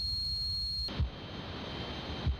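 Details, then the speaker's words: Simulated electrical-noise tinnitus: steady high-pitched tone giving way to harsh crackling static; this type typically related to cochlear damage. "typically ringing buzzing hissing electrical noise or crickets are related to damage to the hearing organ the cochlea"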